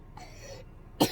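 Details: Cough from a child: a faint, low throaty sound, then one sudden harsh cough burst at the end.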